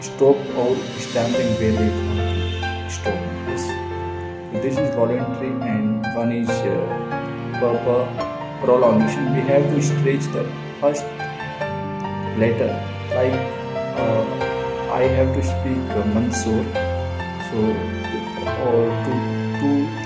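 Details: Adult man who says he stammers and accepts his stammering, speaking Hindi over background music as part of a self-managed stammering mission; stuttering.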